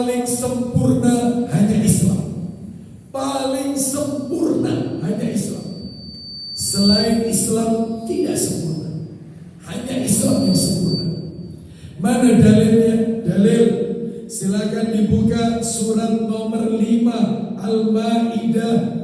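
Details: Dysphonia in a man with a self-reported vocal cord disorder of almost 2 months, improving but still forced.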